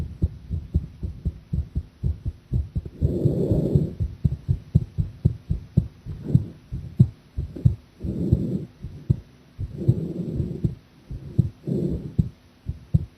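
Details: Heart sounds recorded with a chest microphone during a live stream while drinking coffee: steady low heart thumps with several soft rushing noises like swallows or breaths; the person felt the heartbeat was unstable.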